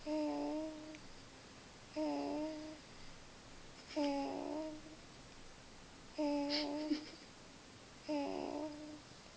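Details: Gentle snoring: soft, pitched, hum-like sounds with each breath, about 30 times a minute, in a quiet room, possibly from a child.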